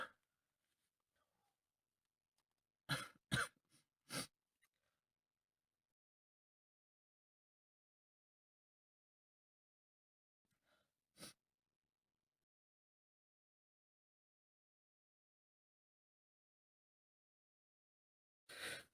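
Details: Adult male with an improving cold, sitting in a car, sneezes now less wet: five or six sharp, brief sneeze-like bursts separated by silence; a sneezing fit during a cold.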